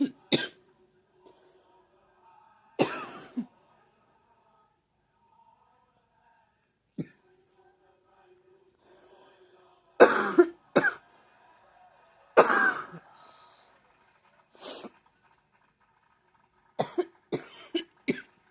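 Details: Repeated dry coughs and throat clears in short clusters, about eight to ten in all, with quiet gaps, in a person with seasonal allergies; cough.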